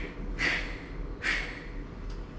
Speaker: like is it this pitch is very hard and harsh? Is it a pitch low and soft?